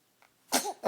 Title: Baby sneeze compilation || Lustige Videos#23